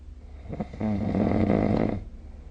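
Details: Snoring recorded with the SnoreLab app: a single harsh, rattling inward snore lasting about a second, with a low buzzing vibration, against a quiet room background.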